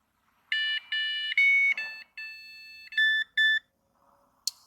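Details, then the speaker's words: Alaris IV pump in a training demonstration alarming because no input was entered during programming: a series of shrill electronic beeps and tones of changing pitch; infusion pump alarm. "and then I hit enter if you don't in put something in it will alarm at you"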